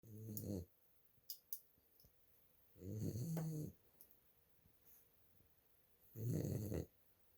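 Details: Dog snoring during sleep: three low, rattling snores at a steady pace of about 19 breaths a minute in a quiet room.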